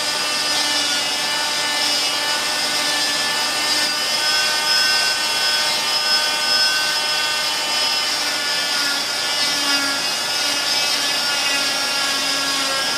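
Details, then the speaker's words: Oscillating cast saw with suction on, starting at a lateral anterior point to make clamshell cuts removing a fiberglass total contact leg cast; gentle pressure, letting the blade work. Steady high buzzing whine with suction hiss. "basically you find a point lateral and anterior, and you start your process, and it's gentle. Let the blade do the work."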